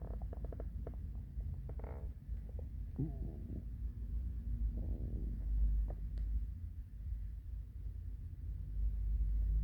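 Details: Classic morning hungry stomach growls: low rumbling with brief gurgles and squeaks over a steady background hum; normal borborygmi.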